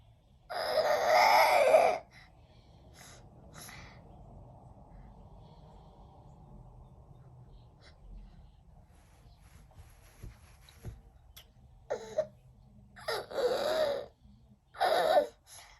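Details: Infant gives loud, harsh gasping breaths separated by long quiet pauses, an abnormal breathing pattern: gasping breathing.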